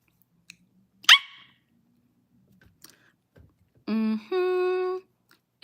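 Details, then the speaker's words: Adult woman with Tourette syndrome: a sudden sharp high-pitched bark-like yelp, then a brief hum-like voiced sound; a barking vocal tic, which she says is always high pitched, never deep. "Do you ever bark deep? No, it's always high pitched."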